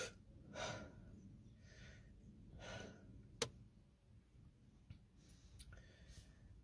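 Several quick, audible breaths, imitated to show shortness of breath after eating or drinking, a possible swallowing sign.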